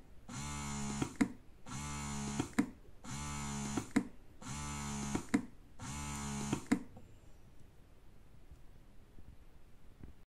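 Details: Rhythmic motor hum cycles, each ending in a click, about five pulses and then quiet, from a compact, quiet double electric breast pump running.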